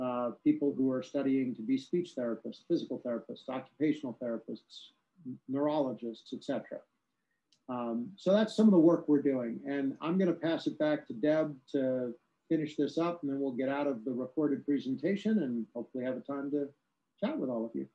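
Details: Adult speaker; normal speech.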